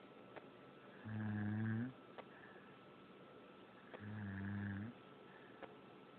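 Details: Person snoring during sleep: two low droning snores about three seconds apart, each near a second long, with quiet breathing between.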